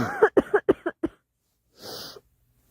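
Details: A girl gives a run of six short, sharp coughs in quick succession, then a breathy intake; repetitive dry-sounding coughing fit.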